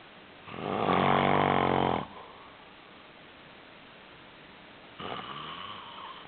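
A loud, rattling snore on the in-breath, then a quieter start of the next snore after a pause. Ordinary snoring.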